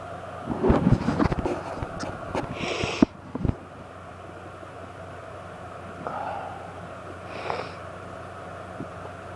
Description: Allergy fit with random sneezes and my husband blessing me :)